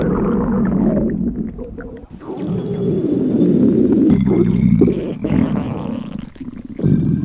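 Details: Staged, imagined scenario of a high school girl who skipped breakfast before a body measurement: long loud gurgling, rumbling belly growls with brief pauses; hunger stomach growling.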